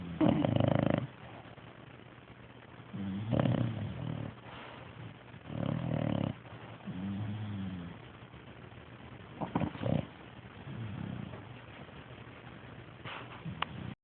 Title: Munster sleeping & snoring